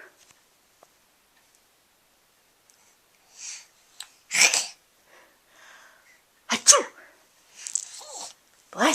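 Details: A soft inhaled build-up is followed by several sharp sneezes in a quiet room, with someone saying bless you.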